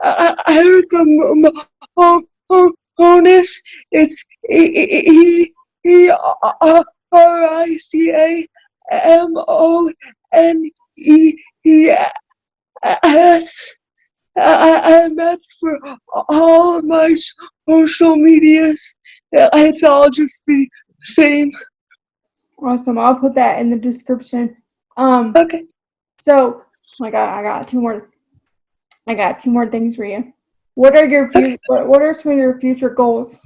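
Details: Adult woman with cerebral palsy, self-described as spastic, in real conversation; dysarthria (cerebral palsy).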